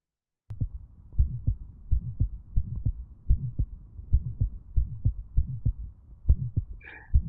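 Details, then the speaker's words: Child, Still's murmur, typically seen at ages 3–6, heard between left sternal border and apex: rapid heartbeat with a soft, low-frequency, humming systolic murmur, no clicks or extra sounds. Innocent Still's murmur. "a resonant phenomenum of blood that's moving into the order or across the C tendon of The ventricle um and it sounds it's a systolic murmur that's low in frequency and it's heard um between the left sternal B border and the Apex"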